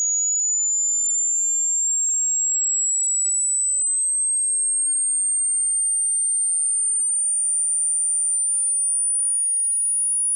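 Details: Steady pure high-pitched tone rising slowly in pitch; a hearing test sweep.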